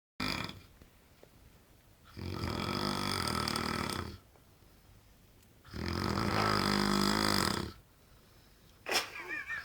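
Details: Loud snoring from an adult man described as the world's loudest snorer: two long, rattling snores of about 2 seconds each with quiet pauses between, then a brief snort.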